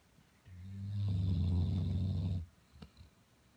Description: My Dog snoring.. Year&1/2 old English Blockhead lab (103pounds) more to come!!! Funniest dog ever..